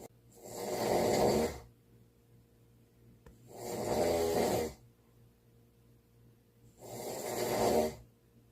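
Three loud, rattling snores on the in-breath, about 19 a minute, separated by quiet pauses. Typical snoring.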